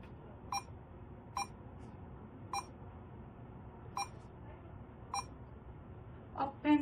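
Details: Six short electronic beeps at irregular intervals, each a button press on a DI 2200 two-channel infusion pump keypad while total volume and flow rate settings are adjusted.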